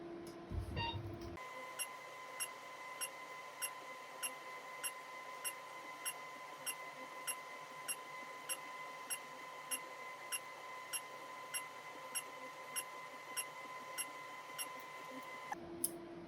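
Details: Radiofrequency microneedling self-treatment of the face by a physician, using a handpiece with 25 fine needles that delivers heat under the skin: steady tone with regular short beeps about every half second during treatment.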